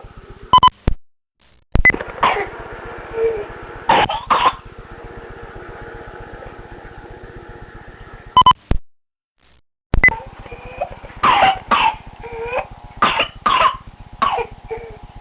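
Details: Two-year-old girl with pertussis, recorded on a handheld recorder in November 2002: bursts of rapid coughing to the bottom, then a long, strained, high-pitched inspiratory whoop; she became unable to breathe between fits.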